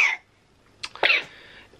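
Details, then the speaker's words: Four-month-old baby boy with lingering cough after suspected bronchitis, with earlier breathing difficulty and feeding problems: a couple of short, high-pitched infant coughs. "fingers crossed he's obviously over the worst we just need to get rid of this cough hopefully in the next maybe week"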